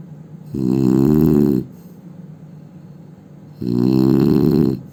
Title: Indian man snoring sound